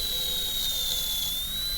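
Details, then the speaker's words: High-speed dental handpiece with 245 bur cutting down and away from the proximal box walls in a tooth 19 MO composite preparation demonstration: steady high-pitched whine, pitch dipping slightly under load. "and then right here, cut down each of those walls and cut away from each of those walls."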